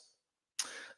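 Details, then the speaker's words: Adult with a chest infection that spread to the sinuses, with fever, dizziness, headache, sore throat, fatigue and constant coughing, gives a single short, harsh cough burst after a brief silence. "It spread into my sinus and I had a fever yesterday and I'm dizzy. I have a headache and can't sleep because I'm coughing all the time and uh sore throat and fatigued"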